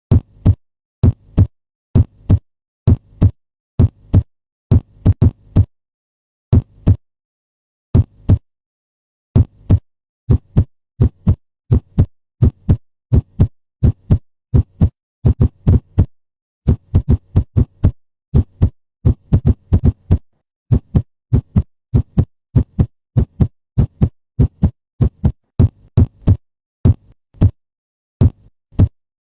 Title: Heart Sound